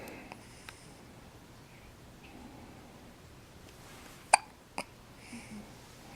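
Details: Hiccups in a 4-day-old baby boy: two abrupt, sharp little hiccup clicks about half a second apart, with faint room noise.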